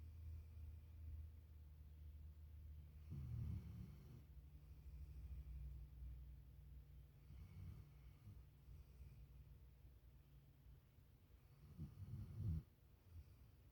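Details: Boxer dog: quiet, low rumbling breaths with occasional snorts a few seconds apart; light snoring.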